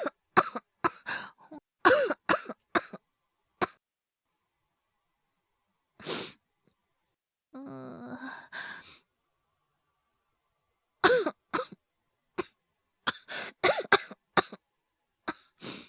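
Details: Acted cough by a male voice actor, part of a wordless cough/illness/hyperventilation voice collection: series of short voiced coughs and throat-clearing with a breathy gasp between bursts.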